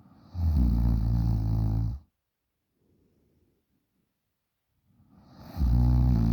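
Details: 20-year-old female asleep: two loud, low, rattling snores separated by a quiet pause of about three seconds with faint breath sound; heavy snoring during sleep.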